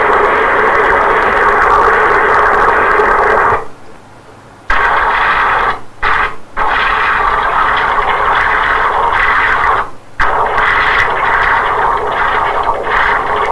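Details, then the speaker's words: Doppler ultrasound of a patent AV fistula: loud, rough, continuous hissing whoosh with brief dropouts; very high flow across the fistula and turbulence in the arterialized draining vein. "See, lot of turbulence in the vein, lost, come back. So we will do the fistula assessment here. That is the fistula. Again very high flow, very much high flow. See the hissing sound you are listening, that is a flow across the fistula."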